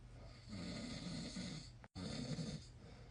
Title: Every night with his snoring !!! #marriagehumor #funny